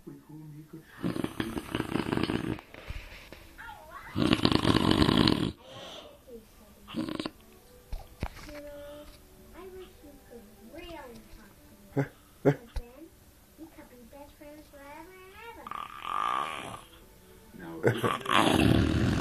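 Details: A sleeping dog makes rough snoring breaths mixed with squeaky, whistling nasal sounds, with handling noise: snoring.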